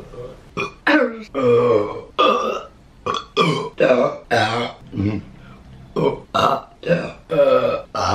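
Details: From a compilation of deliberate burping: about ten loud, deep, voiced belches in quick succession with short pauses between them; burping.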